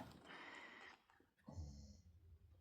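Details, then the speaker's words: A sleeping dog in a quiet room gives two noisy breaths, the second with a low, fluttering rumble; snoring. "Sorry for the snoring. My dog is snoring away."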